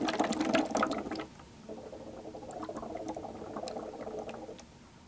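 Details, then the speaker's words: Simulated lab demo of a wet chest drainage system: fast, continuous bubbling in the suction control chamber as suction is turned down, still too vigorous; slow, gentle intermittent bubbling is wanted. "now we don't want this bubbling so rapidly that it sounds like fish tank in the patient's room this is way too high it's bubbling like crazy it's going to evaporate"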